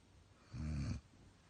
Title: snoring german